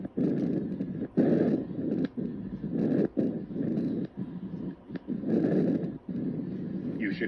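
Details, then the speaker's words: Soft rushing breath sounds with inspiration and expiration of similar length, heard on the anterior chest around the upper sternum at the first and second intercostal spaces: normal bronchovesicular breath sounds. "you should hear bronchovisicular sounds around the upper sternum in the first and second intercostal"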